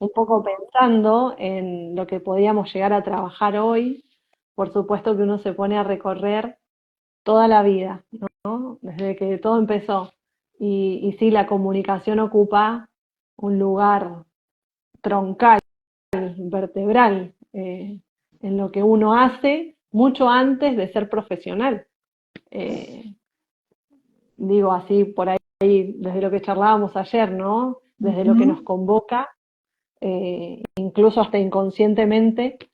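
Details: Spanish-speaking woman who identifies herself as a person who stutters, in conversation with a speech therapist; stuttering.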